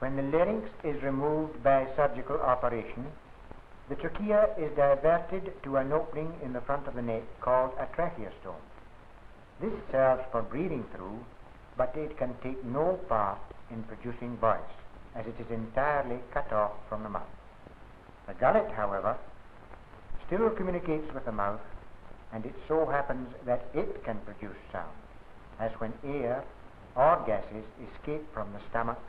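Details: Adult male narrator; typical speech.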